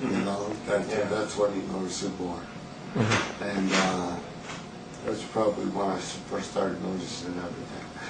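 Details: Male patient with spinocerebellar ataxia type 1, familial, with a slight stagger first noticed about 10 years ago, during the speech portion of a cerebellar exam; ataxic dysarthria.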